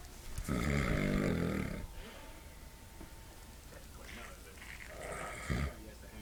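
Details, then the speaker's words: Father asleep, snoring very loudly: a long, loud, rattling snore on a breath in, then a second shorter snore a few seconds later over faint room hum; snoring. "Yeah, you were snoring so loud."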